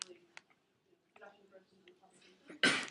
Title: Two Girls Makes A Guy Sneezes By Touching His Nose Vitually In Class